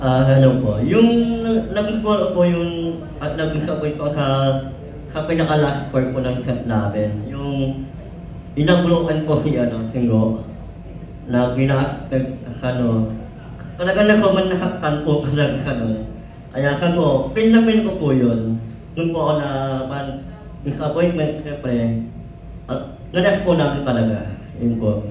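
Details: Film cast member described as 'ngongo' (person with nasal speech), with unclear speech: hypernasal speech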